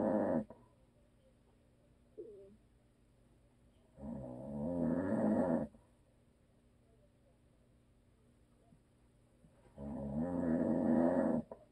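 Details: A husband who is a habitual snorer, asleep: a loud, rattling snore on each breath in, about every six seconds, with quiet gaps between.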